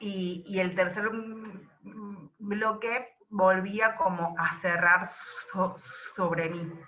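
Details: Adult woman who describes herself as a stutterer (tartamuda), speaking Spanish; stuttering.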